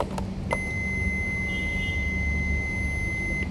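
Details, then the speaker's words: Steady high electronic start-up tone as an automated external defibrillator (AED) is switched on in an RN OSCE training demonstration, before voice prompts to apply pads to the patient's bare chest. "The first and foremost step to operate an AD is to turn it on and follow the voice prompts."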